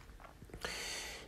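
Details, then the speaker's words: Endoscopic ear wax removal in a right ear, blocked on both sides: quiet suction and clicks while removing dead skin behind the drum, then a loud rattling hiss as the probe clarinets, flapping violently. Harmless to the patient. "i've got this out and it started to clarinet clarinetting is when it violently flaps makes really noisy loud noise we're just going to leave that it's not a problem for the patient"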